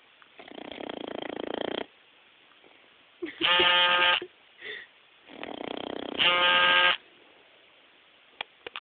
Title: Buca the Snoring Boxer Puppy